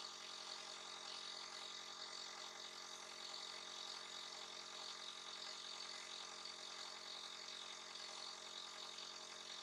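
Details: Steady, unchanging mechanical hum and buzz from a nebulizer compressor giving a breathing treatment to a little one who coughs and sneezes; nebulizer running.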